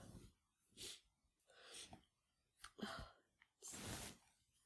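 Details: Person with the flu sneezing repeatedly after chhinkni: several sharp, noisy bursts of air in quick succession, about four or five in under five seconds.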